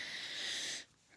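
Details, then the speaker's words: A pet named as "my little girl" lies resting right under the owner and gives a single hissing, airy breath, a brief snore that stops and then recurs; snoring. "can you hear her oh she stopped snoring she did it again that's my nanako my little girl she's right under me and she's like I'm gonna snore loudly"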